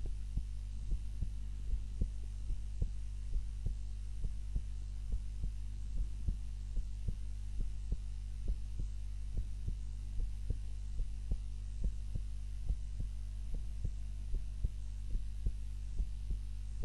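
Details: Heart sounds recorded by timer during a daytime nap, lying on the back rather than the usual face-down: soft regular thumps at a slow resting rate over a steady low hum; normal heart sounds.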